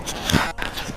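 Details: Brief low thump with a sharp pop during a chiropractic neck adjustment, on a count of three, in a patient unable to turn the head to the right; joint cavitation (neck crack).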